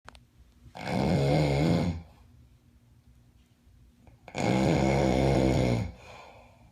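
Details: Roommate with bad snoring: two long, loud, rattling snores on breathing in, separated by quiet pauses.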